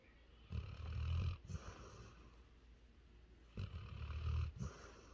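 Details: Sleeping female Labrador dog: two low, rumbling snores with short snorty catches, separated by quiet breathing; snoring.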